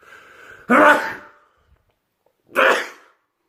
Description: World loudest sneezes and I'm not kidding,